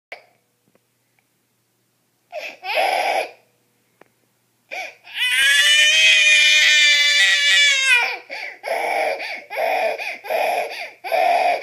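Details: Infant crying: cries in bursts, with one long high wail in the middle and shorter sobbing cries around it.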